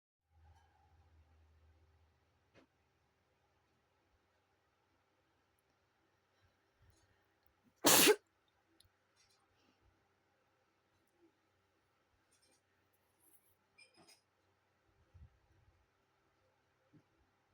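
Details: One short, sharp, loud sneeze in a quiet room with faint scattered small sounds, recorded while a cat is nearby; sneeze.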